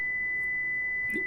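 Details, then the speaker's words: Simulated tinnitus of a person assumed to have 2 kHz tinnitus: a steady, high-pitched pure tone, a constant high whistle, demonstrated before white-noise masking sound therapy. "지금 들으셨던 소리는 2K 홀트의 이명을 갖고 계신 분의 가정을 해서 수능으로 이제 구현을 한 소리고"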